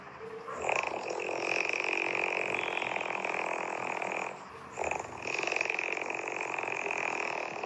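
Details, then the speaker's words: Loud, harsh, rattling snoring from a sleeping man, droning like a scooter engine, with brief pauses; he denies snoring and says he snores when lying straight on his back. "पण वाटतय ना ही scooter चालवल्याचा आवाज आहे पण हा scooter चालवल्याचा आवाज नाहीये >> ह्या माणसाच्या घोरण्याचा आवाज आहे."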